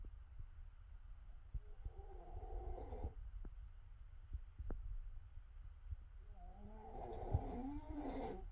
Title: wife snoring, while dog looks confused